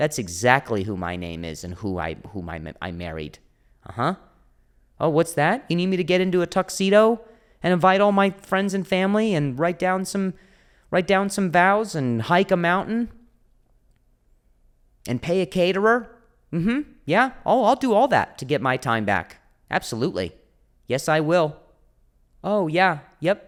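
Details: Adult male comedian who stutters; stuttering with audible repetitions.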